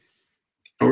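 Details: Belch (eructation).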